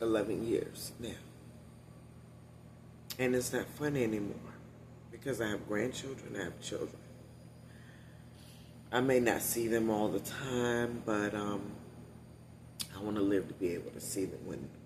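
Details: Adult woman with one-sided vocal cord paralysis after neck surgery, voice lost about three years ago; must push much more air to speak, which tires her; unilateral vocal fold paralysis (dysphonia).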